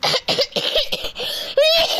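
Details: Person coughs slightly, possibly after choking briefly, before singing; cough.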